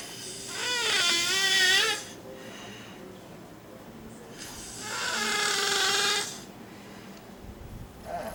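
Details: Snoring from one of a dog, a cat, or a mother asleep in a chair (source unclear): two long, noisy, buzzing inspiratory snores with quiet pauses between.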